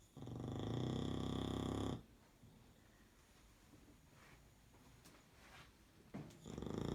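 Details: Sleeping English Bulldog napping after undoing the bed: a loud, rattling, fluttering snore on a long breath in, a pause, then the next snore begins.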